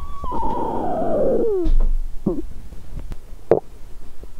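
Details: Hunger bowel sounds (borborygmi) from a woman's stomach after over 17 hours without food, on a day her period is due with a bloated stomach; she also notes unusual popping sounds.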